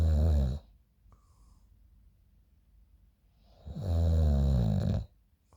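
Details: Snoring in the morning during sleep, recorded by a friend, with music in the background.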